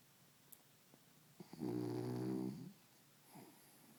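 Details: Dog snoring in sleep: one loud, buzzing, rumbling snore on an in-breath, then a soft breath out in a quiet room.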